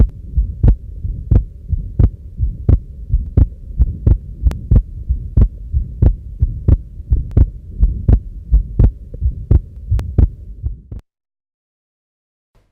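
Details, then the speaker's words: Combined aortic stenosis and regurgitation: a systolic murmur at the base of the heart plus an early diastolic murmur at the left sternal edge. "remember a combination of a systolic murmur at the base of the heart an early diastolic murmur at the left sternal edge is typically seen in combined chaotic stenosis and rehabilitation"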